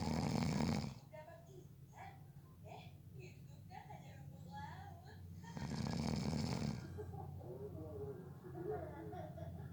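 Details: Loud, harsh, rattling snores on in-breaths with quieter breathing between, from a person who fell asleep within about 30 seconds during a nap; ordinary snoring.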